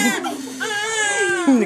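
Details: Newborn baby boy, third child, just delivered after induced labor at 38 weeks without epidural in hospital: loud, sustained, vigorous crying, "came out hollering."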